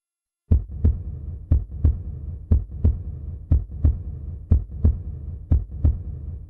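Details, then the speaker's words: Normal heart sounds, regular lub-dub at about 60 beats a minute; the louder, longer first sound is from atrioventricular valve closure at the start of ventricular systole, followed by the second sound. "the heart sound felt by a stethoscope is caused due to the closure and opening of the Val the generation of sound is rhythmic"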